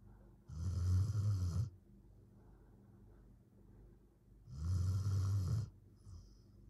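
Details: A 13-year-7-month-old border collie in a deep morning sleep: two low, rumbling snores a few seconds apart with quiet breathing between; ordinary snoring.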